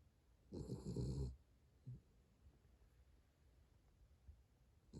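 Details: Pet dog snoring while asleep, recorded 2021-11-04: one loud, low snorting snore, then a softer breath and quiet breathing; ordinary snoring.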